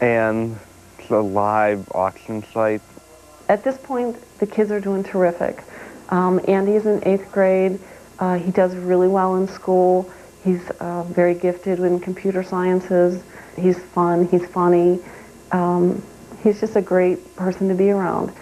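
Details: Adult woman speaking; Normal adult speech.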